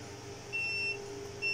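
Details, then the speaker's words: FA313 syringe pump, in use since 2012, run with its original battery still fitted, gives short high-pitched electronic beeps over room hum: an Error 6 alarm, which the display ties to the battery (red battery indicator). "Kasi ito yung, hindi ko muna papaandalin ko muna siya ng may battery. Ayan guys, ang error niya."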